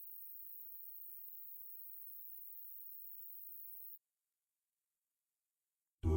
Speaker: Find out how old your ears are with this hearing test. If you can't hear anything, you've reached your hearing age.